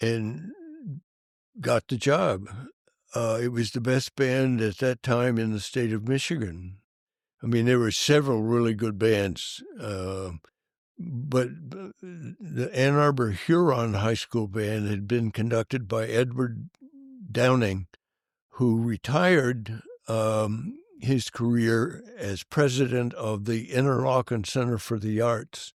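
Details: Adult male band director with stuttering that was severe when young and persists, once described by a prospective employer as a slight stutter; stuttering.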